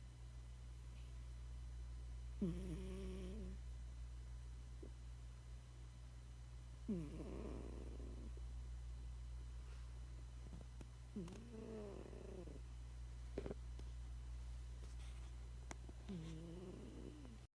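Soft, rhythmic snoring from a sleeping cat, four snores over a steady low room hum; ordinary harmless snoring.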